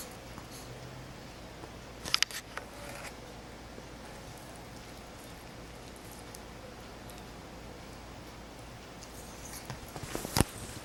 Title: Cecy sneezing